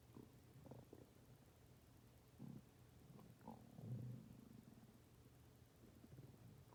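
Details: Low gurgling and rumbling bursts from an adult's stomach during 17 minutes 26 seconds of continuous growling: ordinary bowel sounds of gas and fluid moving.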